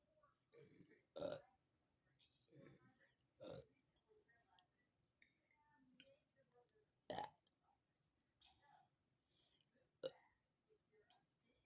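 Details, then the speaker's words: Parent and son with a disability doing a Sprite-drinking challenge: several short, deliberate belches a few seconds apart, with quiet whispering and talk between them; burping. "Okay, so we're gonna drink our drink and see who burps the most. Go. Can't burp yet."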